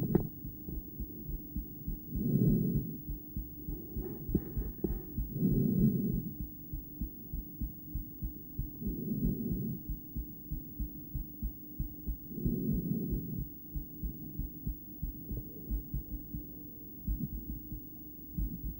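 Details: Adult female, self-recorded stethoscope heartbeat after breathplay: paired beats at times (bigeminy) and one longer pause, partly masked by loud breathing.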